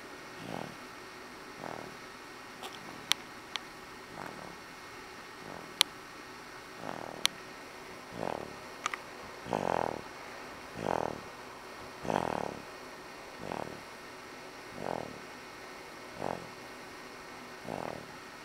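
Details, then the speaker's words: Snoring heard for the first time in a sleeping subject: soft, regular snoring bursts at about 42 breaths a minute, with a few sharp clicks in a quiet room. "He's a snoring boy."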